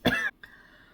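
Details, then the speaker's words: Adult woman who is sick and losing her voice gives a single short, forceful cough, followed by quiet room noise: cough. "okay I'm starting to cough and my voice is starting to you can hear I'm losing I'm losing my voice"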